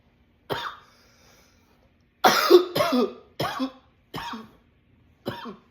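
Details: Six harsh coughs, one alone then five in quick succession, in a quiet room; a runaway coughing attack.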